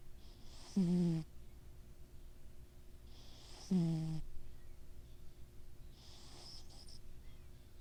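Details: Sleeping cat snoring, compared to a little pig: two loud, rough, voiced snores about three seconds apart with a softer breath between, over a steady low room hum.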